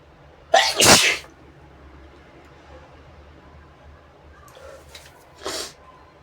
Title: inducing big sneezes with a brush & blowing my nose